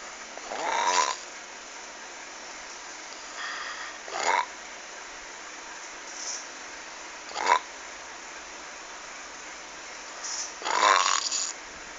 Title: suara ngorok menyeramkan